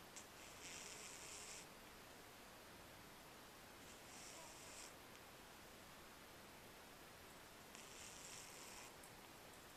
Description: Our cute cat Lacey is caught snoring!